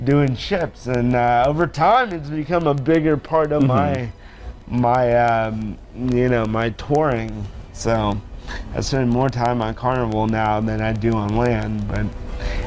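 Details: Adult man born with cerebral palsy, who says he sounds a little different because of it; dysarthria (cerebral palsy).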